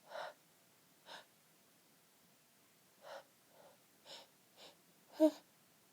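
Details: Sneezes held back with the nose pinched: series of short, muffled, breathy bursts ending in a louder one before the fit can't be held back; stifled sneezes.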